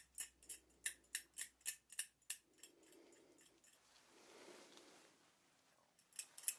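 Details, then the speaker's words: Simulated ASMR role-play of dental hand scaling on a nervous patient, over an area of heavy buildup: quick sharp metallic picks, about three a second, then softer scraping. "okay this is one of the areas where there's quite a bit of buildup so you will hear some scraping and picking sounds you can't feel that can you that's wonderful"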